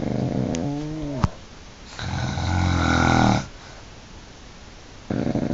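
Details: Two sleepers snoring, recorded in surround sound: deep rumbling snore on a long breath with other snorting and breathing noises; snoring.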